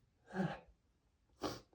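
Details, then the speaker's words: Adult male sneeze during a prolonged sneezing fit with repeated sniffing: a quiet indrawn breath, then a strong explosive sneeze after a pause. "I'm going to sneeze. I'm going to sneeze. >> [snorts] >> I'm sorry. I'm sorry. [snorts] I I just can't help it."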